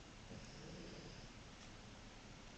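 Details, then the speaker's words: Faint, low rumbling snore from a sleeping pet dog, heard once over quiet room noise; snoring. "I told you guys the dogs snore. It is so weird. I mean, I know it's not really weird because humans snore too, but still at the same point, it's like, I don't know, it's just weird to hear them snore."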